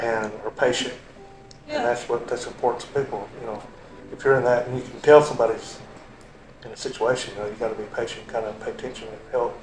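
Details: Adult man; typical speech.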